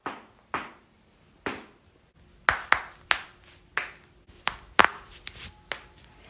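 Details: Series of sharp, crisp pops and cracks from joints; joint cracking (cavitation).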